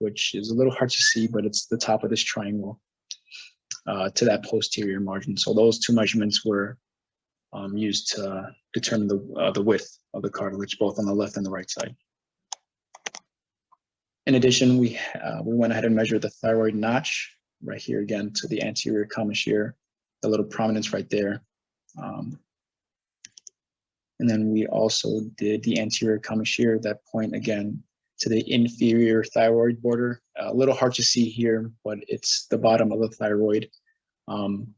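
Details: Adult male presenter; normal speech.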